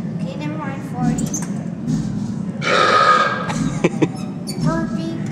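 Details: Recorded burp played by a human-body-sounds museum exhibit: a loud, rough, gurgling belch lasting about a second over background chatter.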